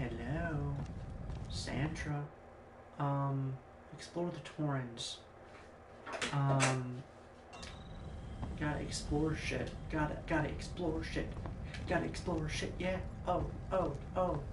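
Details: Adult male streamer with Tourette syndrome, who also mentions OCD and possible ADHD, producing involuntary obscene vocal tics, described as severe coprolalia, while playing a video game; vocal tics with coprolalia (Tourette syndrome).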